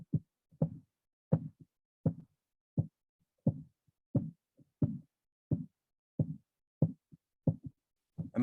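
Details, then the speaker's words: A blood pressure measurement heard through a stethoscope during cuff deflation, played as a demonstration: regular soft tapping at about 87 a minute, Korotkoff sounds starting at systolic pressure and disappearing at diastolic pressure. "Hear the bump? That's the high pressure. And that's the low pressure as the sound disappears again as well."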